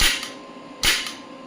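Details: Biotronix Solution Forever shockwave therapy device for musculoskeletal pain: two sharp, loud cracking pops about 0.8 seconds apart, each with a brief ringing tail; applicator delivering pulses.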